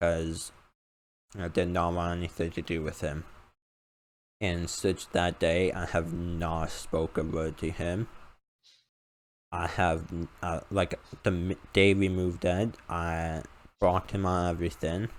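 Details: Male speaker with a self-described uncontrollable speech impediment, improved after about 10 years of speech therapy; formerly used an iPad button talking device, not used for almost three years; speech impediment.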